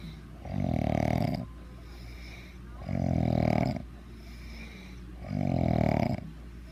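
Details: Heavy snoring: three loud, rough, rattling snores about two seconds apart, with quiet breathing between, roughly 27 breaths a minute.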